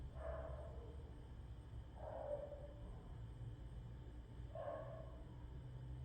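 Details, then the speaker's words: Loud snoring from a woman who did not snore before and began snoring after gaining weight; snoring. "Sí oíste cómo estaba roncando. ronca, y ronca mucho, pero ella no roncaba. Es de que engordó, ya ronca. Pero de qué fuerte se oye su ronquido."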